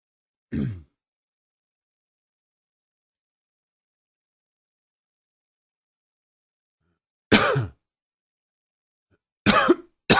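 Four separate short, harsh cough bursts with long silent gaps between them; an isolated adult cough.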